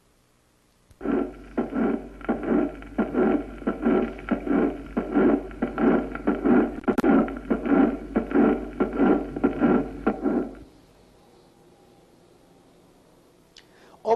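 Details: Crescendo holosystolic murmur (mitral regurgitation).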